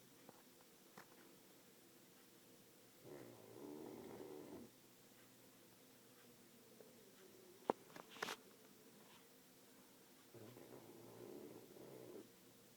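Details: Pug snoring: two soft, buzzing snores several seconds apart in a quiet room; light snoring.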